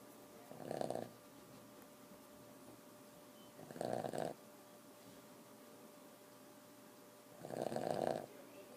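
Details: Four-year-old Boston terrier snoring loudly while asleep, keeping owners awake: rattling snores about every 3.5 seconds, roughly 17 a minute, over a faint steady hum.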